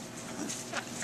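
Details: 15-year-old Tourette patient at initial appointment before oral appliance fitting; motor tics from age 10, vocal tics from age 11.5; vocal tic (Tourette syndrome).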